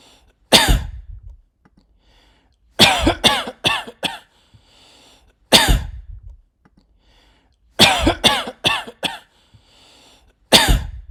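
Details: Coughing recording with groups of harsh, explosive coughs in bursts of one to four, separated by quiet pauses, about eleven coughs in all.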